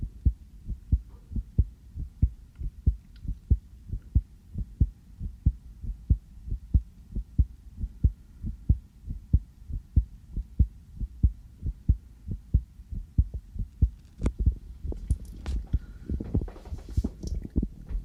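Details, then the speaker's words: Normal heart sounds heard through a sensitive stethoscope on the speaker's own chest just after coming in from outside: steady, regular thumps at about 94 beats per minute. "저도 제 심장 소리를 이렇게 크게 듣는 건 처음이네요. 왜 이렇게 빨리 뛰지? 여기 와서 잘 들린다."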